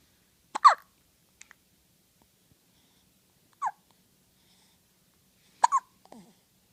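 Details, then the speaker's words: Brief, sharp catching sounds a few seconds apart from an infant boy, described as little hiccups, smaller than his usual big ones: infant hiccups. "Now, if these are little hiccups for you, normally you get the big ones. No. Those are the hiccups I'm used to seeing you have."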